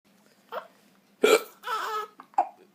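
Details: An adult man (the father) and his young child both have hiccups at 4 a.m.; he suspects sausages they ate. Sharp, abrupt voiced hiccups with a little laughter between them in a quiet room.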